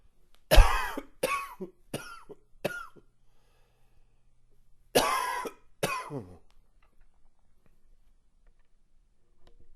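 A short fit of six chesty adult coughs, in two bursts, with a slightly congested, wet quality.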